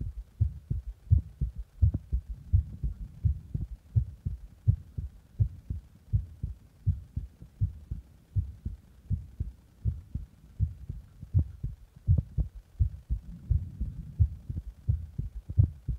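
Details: Own heartbeat heard after pressing on the chest: steady, dull low thumps at a regular pace.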